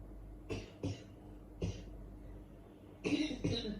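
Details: Five short, harsh cough bursts over a steady low room hum, the last two louder and closer together; recording also featuring snoring; cough.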